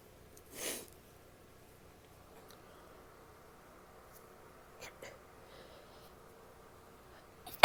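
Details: Female; a single loud sneeze near the start, then quiet room noise and faint breathy sounds.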